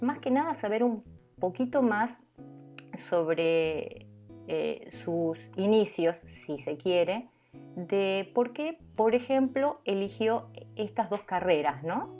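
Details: Adult woman who counts herself among people who stutter; stuttering.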